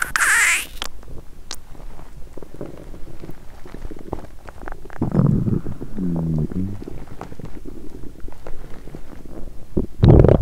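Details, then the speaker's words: A woman in the first days of a 7-day fast, hungry: low gurgles and a drawn-out groaning rumble with bubbling squelches from her belly; hunger stomach rumbling (borborygmi). ""เป็นวันที่ท้องร้องแต่เสียงก่อสร้างดังสนั่น"“โอ้ยท้องร้อง”"เสียงดัง"."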